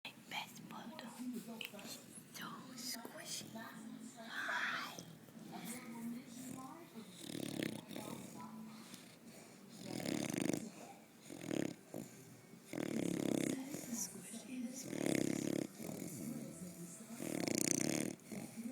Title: Squishy bulldog snoring